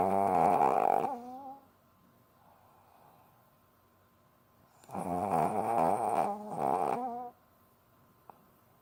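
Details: Female Lhasa Apso dog asleep in owner's arms: loud, tonal, rattling snores in repeated bursts with quiet pauses between; loud snoring.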